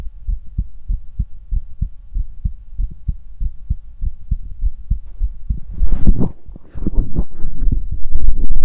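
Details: Steady, regular, low lub-dub heartbeats through a stethoscope, later covered by loud scraping and rustling as the chestpiece shifts: heart sounds on auscultation.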